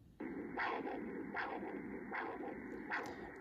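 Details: MiniSono ultrasound, vascular carotid study with pulsed-wave (PW) Doppler gate on the carotid: rhythmic whooshing pulses about 78 a minute, sharp rise then softer trailing flow; normal carotid artery Doppler signal.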